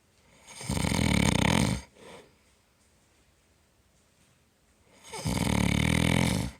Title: Papa bear snores loud